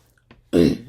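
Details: Single throaty, partly voiced throat clearing after a faint breath, from an adult whose throat is bothered by sinus trouble; COVID test negative.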